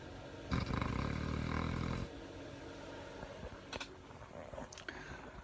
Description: Cute short video of Miss Lilly snoring away!